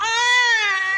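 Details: Female newborn weighing 3.5 kg, cleaned and prepared for discharge to her mother, gives a single clear, sustained wail: a strong, healthy-sounding newborn cry.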